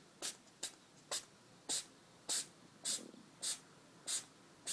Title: אדי מנוזל Eddie the cat sneeze a lot